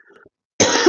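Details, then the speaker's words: Single abrupt, explosive cough from an adult during a live stream after a brief quiet stretch; the speaker says it is not really a cough and blames medication; short isolated cough. "My gosh, why am I coughing? No, it's I haven't got a cough. It's just a medication."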